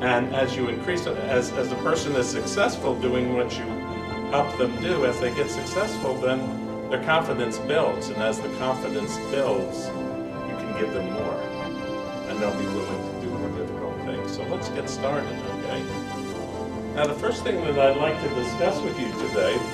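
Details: Adult man speaking; Normal speech.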